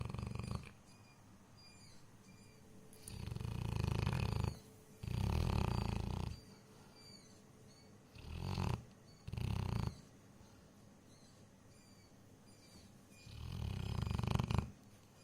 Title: Snoring tyson😂குறட்டை விடும் டைசன் #dog #funny #video #trending #explore